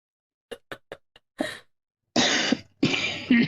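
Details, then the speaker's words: A few soft throat clicks lead into three harsh, breathy coughs from an adult woman during a live online session; an ordinary cough. "I have to cough, but I know y'all are gonna fucking hear it, and I don't want to."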